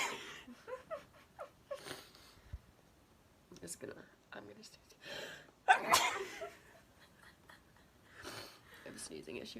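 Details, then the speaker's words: A girl gives a sharp, forceful sneeze amid soft talk and breathy sounds in a small room. "oh here she go sneezing excuse me gosh that was powerful"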